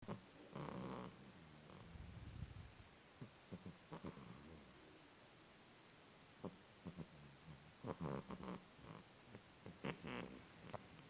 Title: храп кота cat snoring